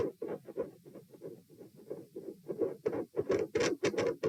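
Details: Stethoscope heart auscultation at position P during a stress test (standing, knee bends, deep breaths, sitting, lying; rates 126-138 then 96 bpm); quick, closely spaced, loud heart sounds with scratchy rubbing, deep breaths not slowing rate; tachycardia after exertion.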